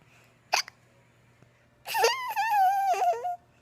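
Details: Young girl with an ordinary hiccup: one sharp hiccup followed by a long high-pitched squealing laugh as she giggles at her hiccups.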